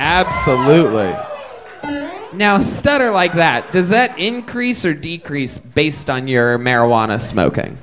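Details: Adult man speaking; typical speech.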